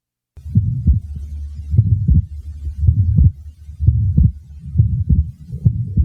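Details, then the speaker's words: Heart sounds at about 60 a minute from a patient with an atrial septal defect, with a widely fixed split second sound preceded by a murmur; fixed split best heard at base left with the diaphragm. Fixed splitting of the second heart sound. "the following example demonstrates a widely fixed Split Second sound this was taken from a patient with an atrial sepal defect"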